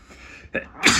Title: Violent induced sneezes (nose blow at the end) #noseblowing #sneezes